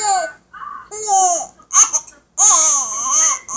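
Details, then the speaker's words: Young girl crying in short, whiny, wavering bursts with brief pauses while her father tries to scare her hiccups away and teases that she is fake crying; fussy infant cry. "you know you can say anything to me because I know you fake crying oh"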